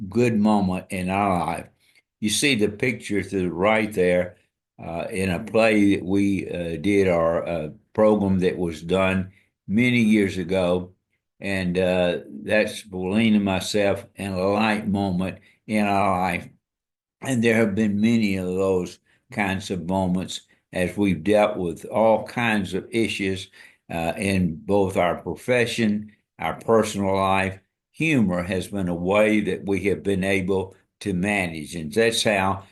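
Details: Adult man with amyotrophic lateral sclerosis diagnosed February 2024 after earlier diagnoses of Parkinsonism, Parkinson's disease, spastic paraplegia and primary lateral sclerosis; he states his walking and speech are failing; dysarthria (ALS).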